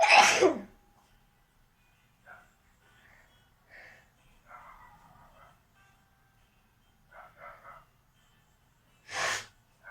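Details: A woman doing a sneezing challenge with nose blowing gives two loud, forceful sneezes, at the start and at the end, with faint sniffs and nose sounds between them in a quiet room.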